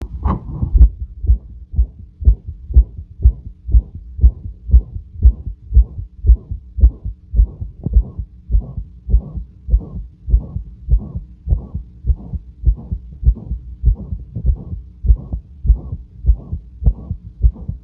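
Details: Heart murmur auscultated at rest while the heart beats calmly: a steady, regular heartbeat with a loud, harsh whoosh filling each beat. The murmur is always present but varies in intensity and is usually quieter and less harsh.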